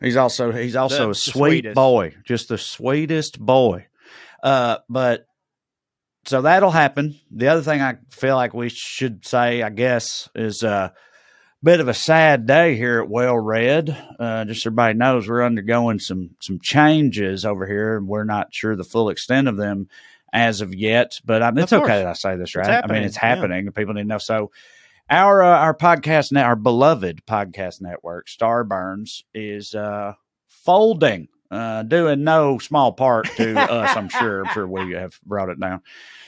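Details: Adult man speaking; ordinary speech.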